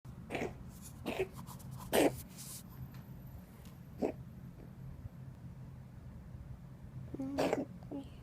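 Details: A kitten with pneumonia gives about five short, harsh coughing bursts, a pneumonia cough.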